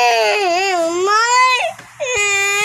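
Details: Baby crying, wanting a slide at a city mall: loud, high, wavering infant wails with brief catches of breath between them, amid background music.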